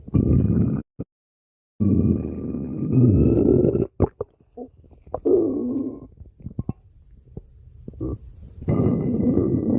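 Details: Stomach growling in a man while he sleeps: loud, long, low gurgling growls with bubbly pops between them, ordinary bowel sounds.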